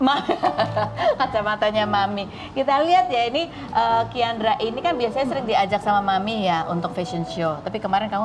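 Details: Adult woman speaking; normal speech.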